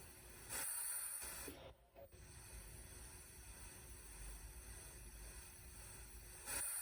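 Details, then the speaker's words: RespiraWorks ventilator test on pressurized oxygen at 100%, lung compliance 20, resistance 20, rate stepped down from 30 to 10 breaths per minute: faint hissing gas bursts about six seconds apart over steady machine noise. "So here we are at a compliance of 20, and we're going to go ahead and run the oxygen mode at 100%. We'll go backwards since we're already here at 30 breaths per minute."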